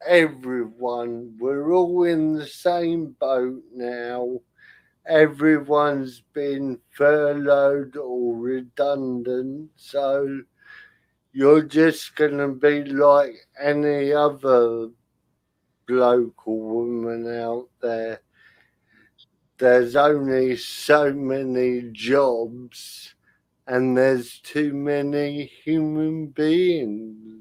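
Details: Dysarthria from spastic cerebral palsy in a male speaker who cannot control his limbs properly and whose speech is also affected.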